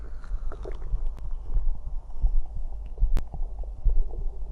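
Low, irregular gurgling rumbles with scattered bubbly pops, typical stomach growling from gas and fluid moving through the gut.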